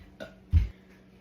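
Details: Person doing a Sprite challenge, drinking a whole soda and trying not to burp, with stomach pain: a faint soft sound, then a single short, deep, rumbling belch.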